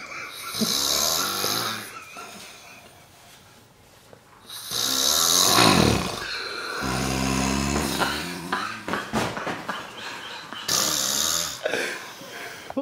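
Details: Man asleep on a hunting trip, snoring loudly and roughly in irregular bursts with snorting breaths, against faint outdoor background noise.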